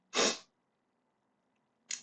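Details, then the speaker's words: A single sharp, hissing sneeze, then quiet and the start of a second burst, from a person who says they are a bit sick and coughing and sneezing a lot. "I'm a bit sick, which is kind of why I sound so dead and why I'm coughing and sneezing so much. Apologies."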